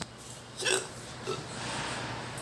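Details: Two short, sharp hiccup sounds against steady room noise: hiccups.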